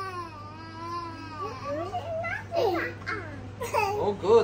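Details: 18-month-old boy at his immunisation visit: loud, wavering cry rising into sobbing wails; ordinary distressed toddler crying after vaccination injections.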